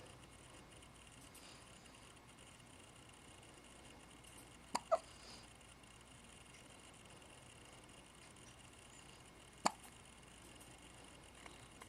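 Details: Three brief, sharp clicking hiccups at irregular intervals from Zoid, a small pet animal, in a quiet room. Finding: hiccups.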